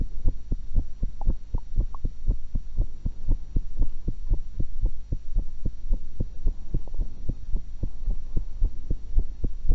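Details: Own heart sounds recorded with a stethoscope while eating one apple and one cucumber; steady lub-dub at about 115 beats a minute over a constant low hum. Normal heart sounds.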